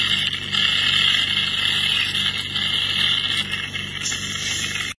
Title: Dentist Cleaning Teeth // Dental Cavity Filling // Dentist // Dental Braces ..